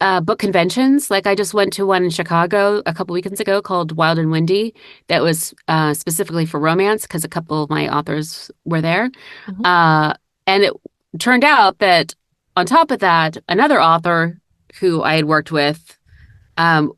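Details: Adult woman speaking; Normal speech.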